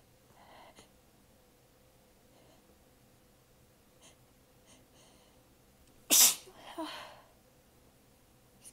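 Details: Shy sneeze with apologies: a quiet room, then one sudden loud sneeze with a softer follow-up burst of breath; sneezing.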